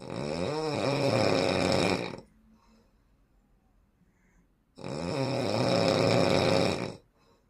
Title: the largest snoring in the world ever#beautycolor #viralvideo#viralshort #shorts